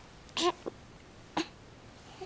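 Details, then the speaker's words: Hiccups in a 6-week-old infant: two short, sharp catch sounds about a second apart in a quiet room, each with a tiny follow-on sound. "Oh, you got the hiccups. Sorry? That's not fun. No, now you can't smile anymore."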